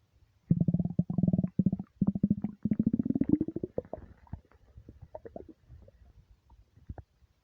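Long, deep, gurgling stomach rumble that trails off into scattered bubbling: ordinary empty-stomach borborygmi.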